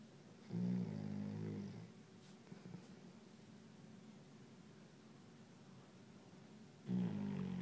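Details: Snoring in deep sleep: deep, rumbling snores on inhaling, about 6.3 seconds apart (roughly 9–10 breaths a minute), with quiet gaps between.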